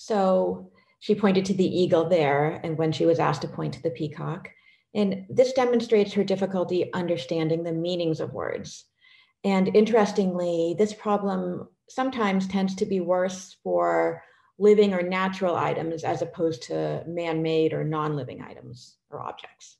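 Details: Adult woman speaking; Normal speech.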